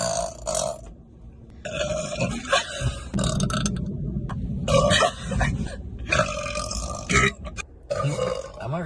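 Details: Person burping a run of about five loud, drawn-out, croaking belches in a row, then saying one is still stuck in the belly.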